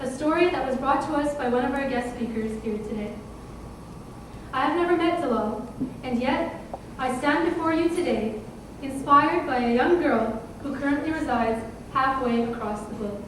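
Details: Adult woman speaking; Normal speech.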